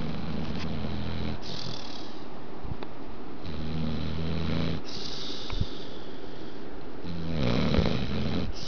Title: Pit Bull Snoring Hilarious